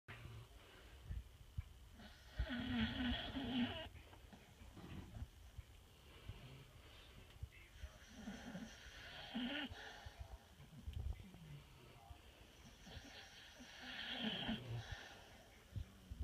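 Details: Pit bull dogs snoring while asleep: three long, rough, rattling breaths, each about two seconds long and coming roughly every six seconds; snoring.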